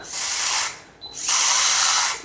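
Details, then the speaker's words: High-pitched whine of a 3.2 dental implant drill running through a 3D-printed surgical guide seated on the jawbone, in two bursts with a brief pause, during guided keyhole implant surgery. "దీనిలో కరెక్ట్గా ఇది వెళ్తుందండి, 3.2 drill వెళ్తుంది, ఇట్లా"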